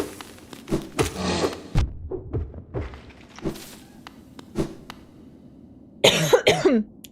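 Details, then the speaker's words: A couple of short, harsh coughs from an adult who feels they are coming down with a cough, with video game sounds and thumps behind; cough. "think I'm definitely coming down with a cough. Very annoying."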